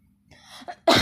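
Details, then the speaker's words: A mother's single forceful voluntary cough, preceded by a faint breathy onset and soft sound, which makes her baby laugh. "teman kalian mau lihat nggak anak gue kalau denger gue batik udah ngekek ini malah masih ketawa ya dengerin mau batuk nak"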